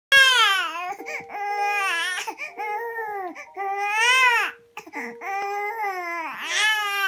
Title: How to calm a crying baby First time in swing bed